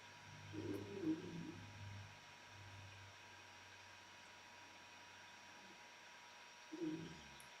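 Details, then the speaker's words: Two faint, low rumbling snores from a sleeping dog over a steady room hum; snoring. "i don't know if you can hear that sound one of my dogs is snoring"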